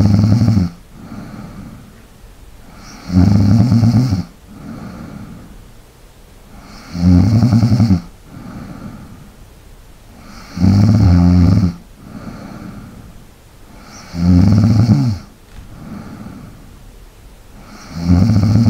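Regular loud, rattling snores on each in-breath with softer out-breaths between, about 16 breaths a minute, typical sleep snoring.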